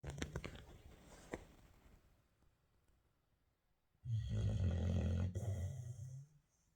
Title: puppy snoring in his cage